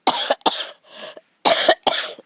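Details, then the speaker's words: Cough: four sharp, harsh, dry coughs in two pairs with a short breath between, from someone who began coughing while talking outdoors and filming flowers on a sunny day. "excuse me y'all I know when I started talking I was probably going to start coughing"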